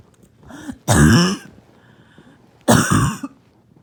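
Two loud, harsh coughs with a rough, barking quality, with a quiet breath in before each; a barking cough.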